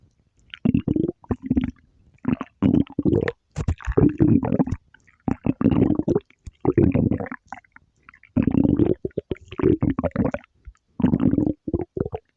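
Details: Repeated low gurgling, rumbling bursts separated by short pauses: stomach growling, ordinary bowel sounds. Borborygmi.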